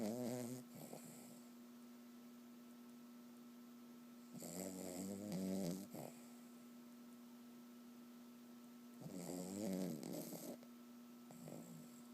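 Soft rattling snores from a sleeping dog, about 14 a minute, over a steady room hum; ordinary, harmless snoring.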